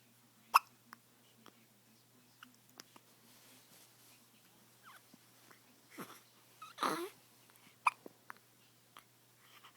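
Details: 5-day-old baby boy with hiccups: repeated short, sharp hiccup clicks at irregular intervals in a quiet room, with a few soft infant sounds.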